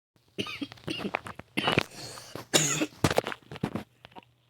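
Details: Person who says they feel unwell coughing while gaming: several harsh, rough cough bursts in quick succession, with a faint hum in the room.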